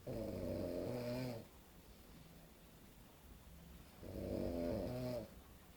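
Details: Adult man napping after a heavy night out; two long, loud, rattling snores on the in-breath separated by quiet pauses; heavy snoring.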